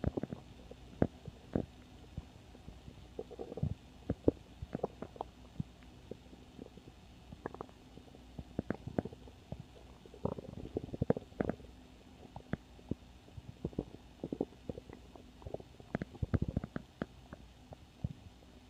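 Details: Stomach growling: frequent irregular gurgles and low rumbles from the belly in a quiet room, ordinary normal bowel sounds (borborygmi).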